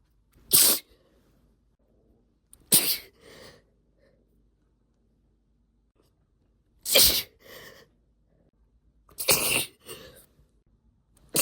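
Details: Induced sneezing in a female, triggered with a cotton swab stick or spray-bottle dip tube: four sharp, explosive sneezes a few seconds apart, each with a brief breathy tail.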